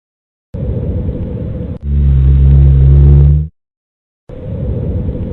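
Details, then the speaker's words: Lung auscultation training exercise: low-pitched, rumbling, snore-like continuous sounds through the breath cycle. These are rhonchi, pointing to secretions in the larger airways. "Resposta: Roncos."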